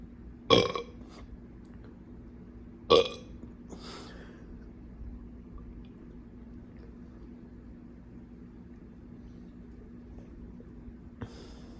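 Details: Two loud burps and a softer third after a quick chug of a drink, in quiet room noise; belching of swallowed air from the stomach.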